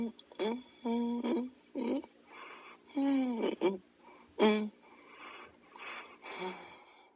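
Short whistling, squeaky sounds with breaths, between softer airy snoring; high-pitched wheezy noises during sleep.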